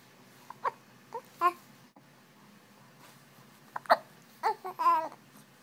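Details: Short, sharp, voiced hiccups from an infant, several over a few seconds, mixed with babbling; ordinary infant hiccups.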